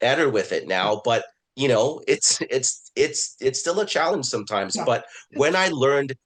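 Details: Adult man, a self-identified person who stutters, speaking in a webinar on stuttering at work; word repetitions and filler words are heard; stuttering.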